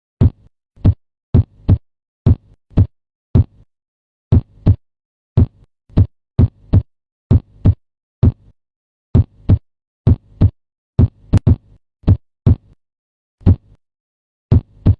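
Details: Low, dull heartbeat thumps in lub-dub pairs with quiet gaps: heart sounds.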